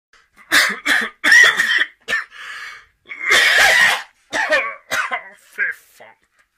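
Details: Cough in a Norwegian advertisement about stopping coughing with prescription medicine.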